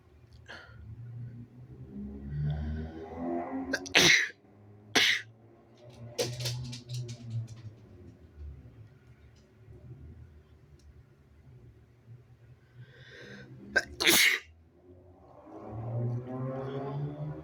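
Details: Sneezes induced by tickling the nose with paper tissue: breathy inhales building up to two sharp, explosive sneezes, followed by sniffing and heavy breathing.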